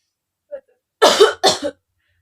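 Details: Soft breath then two strong deliberate coughs in quick succession: an acted effective-cough demonstration after chest physiotherapy by a nurse, helping a female patient with difficulty bringing up phlegm.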